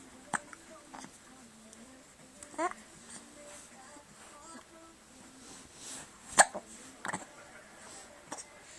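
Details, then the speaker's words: A baby, just after spitting up, hiccups: several brief, sharp gulping catches at irregular intervals, with a soft adult voice in the background. "you got hiccups you got hiccups"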